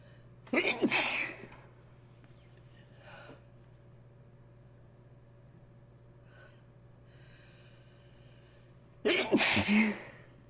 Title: Congested Sneezing